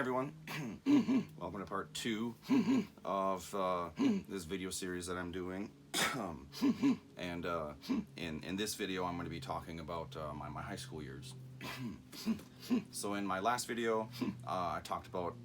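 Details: Adult man who says he has familial Tourette syndrome, never formally diagnosed, with vocal and motor tics, anxiety and ADHD; his speech has frequent 'mm-hmm' and 'hmm' sounds. Finding: vocal tics (Tourette syndrome).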